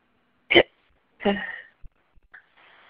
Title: Hiccups(audio only)